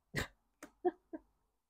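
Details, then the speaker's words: Someone snoring in the background during speech. "je sais pas si vous entendez mais il y a un petit doti qui ronfle"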